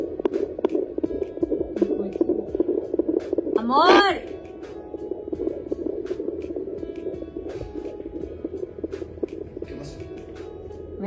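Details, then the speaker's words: Fetal heartbeat on a home Doppler bought online, probe with gel on the mother's abdomen, baby moving: rapid, rhythmic whooshing pulses through hiss, with a brief voice-like sweep and background music. "¿Qué es eso? El corazón del bebé."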